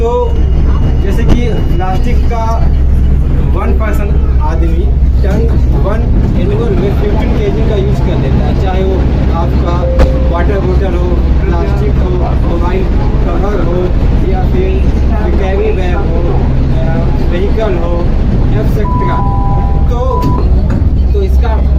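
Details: Adult man who has stammered since childhood, first noticing it around ninth grade, speaking at a communication-skills group; stuttering.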